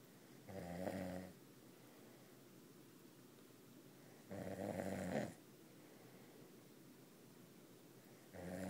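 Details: Low rumbling snores about every four seconds, roughly 15 a minute, with quiet pauses in a small room, described as very loud; snoring.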